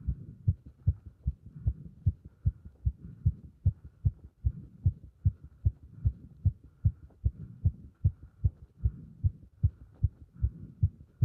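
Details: Heart sounds recorded with pressure on the chest during squats: steady, strong low thumps at about 150 a minute, a fast heartbeat during exercise.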